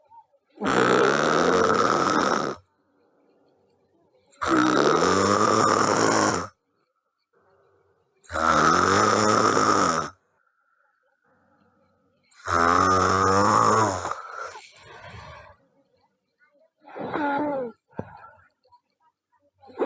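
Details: Girl snoring loudly during sleep: rough, rattling snores about every four seconds, roughly 15 per minute, with quiet gaps between.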